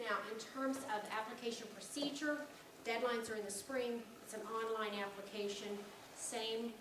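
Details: Adult woman; ordinary speech.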